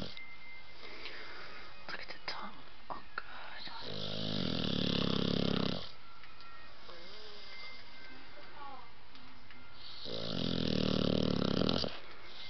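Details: Blue nose pitbull puppy snoring: two long, loud, buzzing snores about six seconds apart, with quiet breathing and faint background TV sound between; ordinary snoring.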